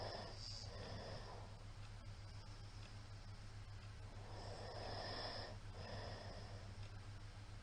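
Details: Middle-aged man's loud snoring during sleep: rough snorting breaths, two in a few seconds, over a steady low electrical hum.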